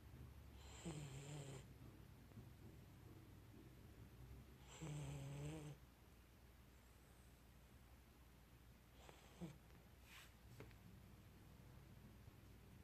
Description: Akita inu puppy Hachi snoring